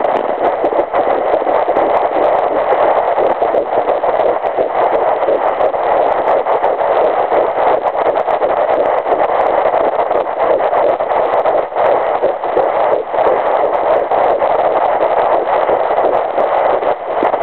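Fast, even whooshing pulse of an early fetal heartbeat through a handheld Doppler, about 168 beats a minute.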